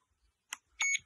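A soft click then a short high electronic beep as a button is pressed on a handheld cold laser unit to change its power setting.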